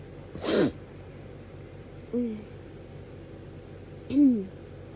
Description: Hayfever sneezes from this week (allergies have been so bad!)